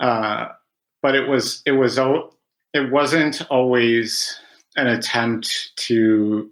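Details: Adult man who has stuttered since about age five, with about 20 years of speech therapy; real stuttering.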